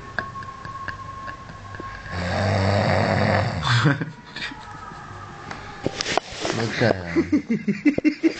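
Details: Snoring: a loud, rough snore on an in-breath, then quieter breathing and a few short snorting sounds, with some room noise.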